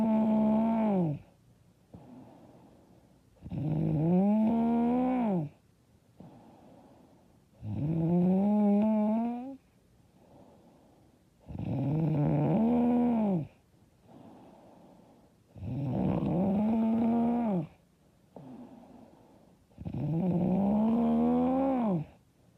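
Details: Loud, rattling snores on each in-breath, regular at about 15 breaths a minute, with quieter out-breaths between; self-described very loud, hard snoring.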